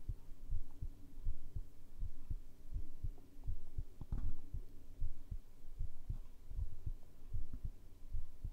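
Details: Heartbeat recorded with a binaural microphone for ASMR sleep audio: steady low thumping, about 80 beats a minute, over a soft hum; a normal heart rhythm.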